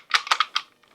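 Four sharp clicking, scraping bursts of teeth grinding together, imitated to demonstrate bruxism.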